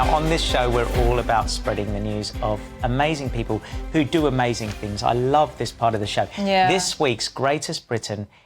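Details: Adult male speaker; normal speech.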